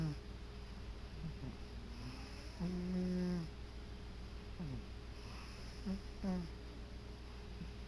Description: My cat sleeping and snoring away on his favorite chair.